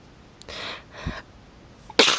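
Two soft sneeze-like bursts, then a sharp, loud sneeze at the end. Sneezing.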